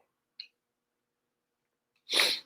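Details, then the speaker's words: Brief sharp intake, then a single loud hissing sneeze from an adult, one of several sneezes in a row during a live stream; sneeze. "Oh, bless you. Whoa. Bless you. Whoa. Whoa. Oh, man. Got some sneezes,"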